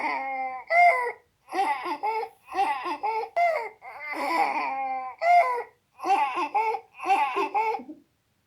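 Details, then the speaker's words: A toddler with pseudocroup gives repeated hoarse, voiced, barking dry coughs with strained, noisy inspiratory breaths between them, typical of croup. "Along with a horse barking dry cough, this is known as pseudo croo that sounds something like this."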